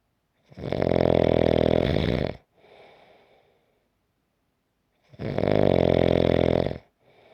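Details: Loud rattling snores on each inhalation with softer exhalation between, about one breath every four to five seconds, from a 5-minute snoring recording; snoring.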